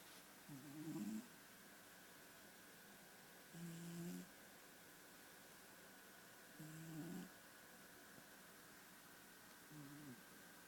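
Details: Sleeping cat snores in four soft, buzzing bursts, about 20 breaths a minute, over a steady hum.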